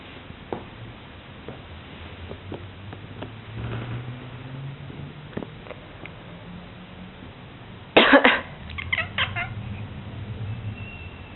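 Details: Cat's cough: in a quiet room, one short harsh burst followed by a few smaller hacks.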